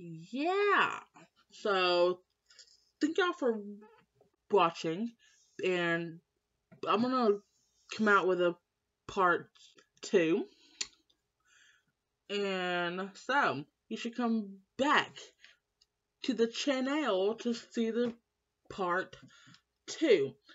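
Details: Young woman who has stuttered all her life since starting school, always in speech class; stutter worse when stressed; uncle stutters when excited; stuttering.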